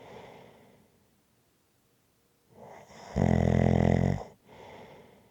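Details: Snoring: soft breathing, then a loud, harsh, buzzing snore on the inhale followed by a quieter exhale.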